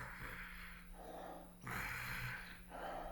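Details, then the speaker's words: An adult deliberately imitates snoring while demonstrating massage of the Lung 10 acupoint to stop snoring: throaty snorting rumbles on two breaths. "Per esempio... sto russando. Hai notato che non riesco più a produrre questo suono?"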